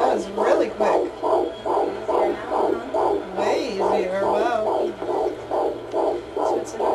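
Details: Fetal heartbeat on Doppler at a 16-week pregnancy appointment: rapid, regular whooshing pulses, about 140 beats a minute.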